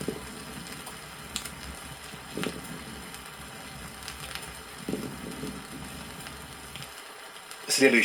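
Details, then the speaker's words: Lung congestion on a 1964 USSR teaching record: soft, dull, non-sonorous moist crackles over hissy record noise. "при застойных явлениях в лёгких прослушиваются не звонкие влажные хрипы"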